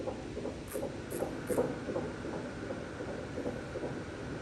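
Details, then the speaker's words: Rapid rhythmic whooshing pulses, about 158 a minute: normal fetal heartbeat on Doppler during a first-trimester ultrasound scan. "I find that for most women it is quite reassuring for them to know that you know baby is alive they can hear the heartbeats themselves"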